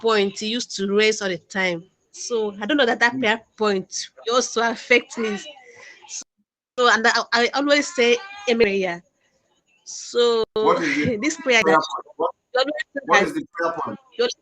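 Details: Stuttering in an adult man, a self-described stammerer, calling in to a live broadcast.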